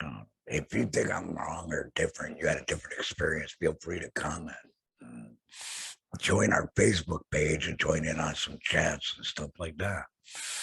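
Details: Adult male laryngectomee whose larynx was surgically removed, using an HME and base plate over his stoma; laryngectomee speech.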